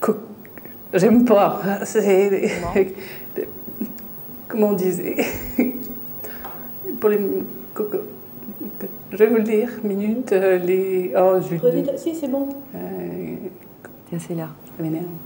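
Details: Aphasia in a French-speaking woman during a picture-naming task. She recognises the object but produces ambiguous, unclear speech instead of naming it.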